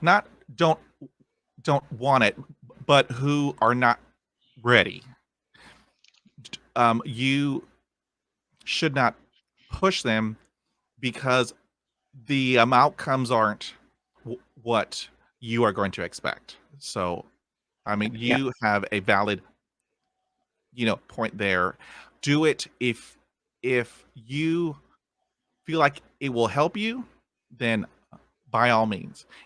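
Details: Man of about 50 who has stuttered since a dog attack with head injury at age five; initially severe, speech therapy in the 1970s, uses tapping and accents to get through blocks; stuttering.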